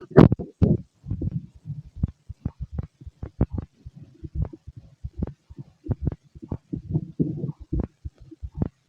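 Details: Fit adult male, heart heard through a stethoscope: steady, regular low heartbeat thumps with some gurgling body noise during digestion; normal heartbeat.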